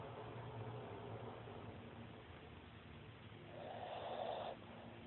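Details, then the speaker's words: Sleeping puggle dog snoring: soft rattling breaths with a louder snorting inspiratory noise near the end. "Did you get caught snoring? Did you get caught snoring?"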